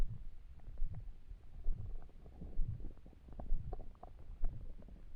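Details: Stomach rumbling (borborygmi) while trying to sleep with an empty stomach: low gurgling rumbles with bubbly pops, swelling about once a second.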